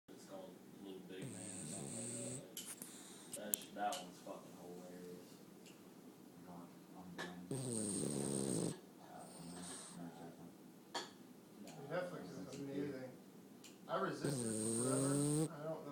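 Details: Dog snoring in sleep: rough, rasping snores recurring every few seconds, mixed with other room sounds.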